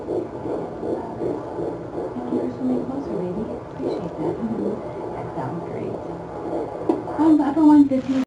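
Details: Fetal heartbeat at 12 weeks of pregnancy, audio only: rapid, rhythmic whooshing pulses at about 150 a minute.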